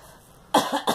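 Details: Girl coughing: two quick, harsh coughs over conversational room noise.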